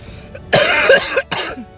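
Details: Two harsh, loose cough bursts close together in a quiet car, the first longer; lingering cough in an adult with a nose/throat illness.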